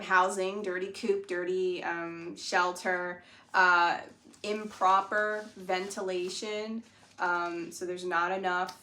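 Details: Adult speaker; ordinary speech.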